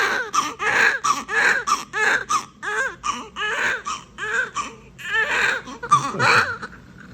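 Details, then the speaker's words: Newborn girl just delivered by unplanned caesarean section after induction: repeated short, high-pitched wailing cries; strong, healthy newborn cry. "so obviously i was just very happy she hears she's crying i don't know if you can hear her but obviously i was very happy to have her here"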